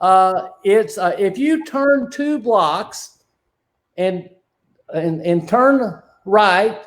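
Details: Male with non-fluent aphasia since a stroke during heart valve surgery in 2007, initially able to produce only two single words; non-fluent aphasia.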